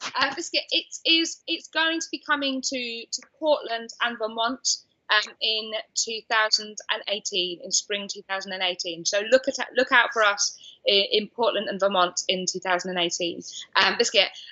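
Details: Adult woman diagnosed with Tourette syndrome at age 20, with a repeated involuntary vocal tic 'biscuit'; Tourette syndrome vocal tics.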